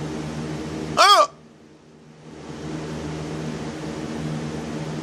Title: has hiccups again